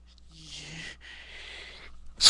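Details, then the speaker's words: Person's nose tickled with loose dog hair: two breathy hissing in-breaths, then the start of a sharp burst; sneeze wind-up with the sneeze beginning. "Don't care. So it's making me sneeze. Stupid. Stupid. Don't care, it's making me want to sneeze."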